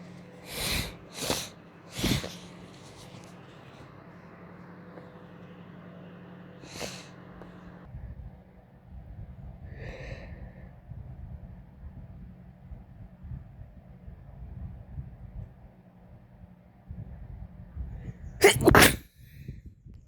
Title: Sneezes, blowing, and false starts